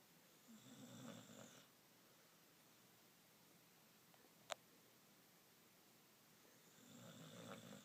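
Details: Dog named Wyatt sleeping on a couch after a long walk; two soft rattling snores several seconds apart in a quiet room with a single click between.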